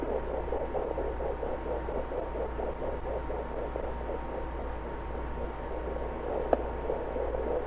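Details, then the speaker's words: Home fetal Doppler on a pregnant solid black German Shepherd before labor: fast, rhythmic whooshing puppy heartbeat over a steady hum, possibly two puppies, read at 204 and 202 per minute and called healthy. "There it is. Or that could be another one. 204, 202. Nice healthy heartbeats."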